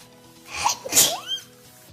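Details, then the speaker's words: A single sharp, hissing sneeze after a short intake of breath, with faint room noise and background music; a sneeze. "I'm going to sneeze sorry"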